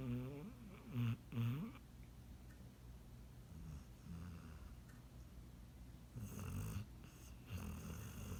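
Low, rumbling snores with a few louder squeaky, whistling snorts from a sleeping dog.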